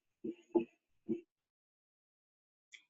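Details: Teaching heart sound recording: low, dull heart thumps with an added extra sound after the second, an abnormal third heart sound.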